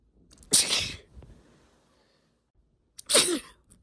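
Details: Two sharp, hissing sneezes about 2.5 seconds apart, deliberately induced by tickling inside the nose.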